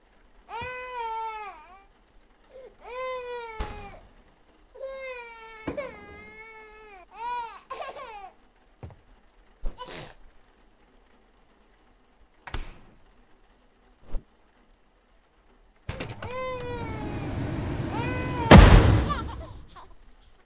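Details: An infant cries in repeated rising-and-falling wails separated by pauses, with a few brief knocks and rustling.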